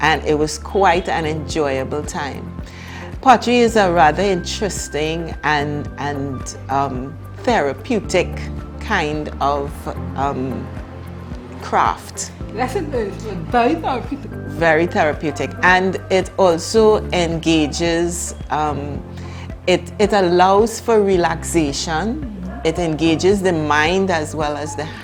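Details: Adult woman speaking, possibly with a second speaker; typical speech.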